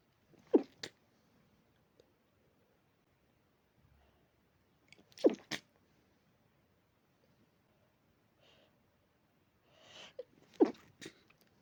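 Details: Three small, sharp snorting sneezes, each followed by a quick second puff, separated by quiet pauses; allergy-linked sneezing.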